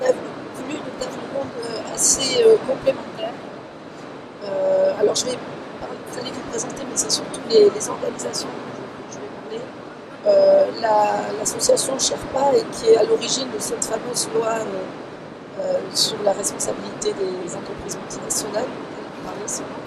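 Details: Adult speaker, French, public panel moderator; normal speech.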